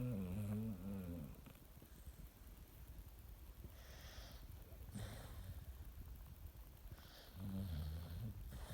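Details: Asleep and snoring: low rumbling snores on in-breaths in two main episodes, with quiet breathing between and some room noise; snoring.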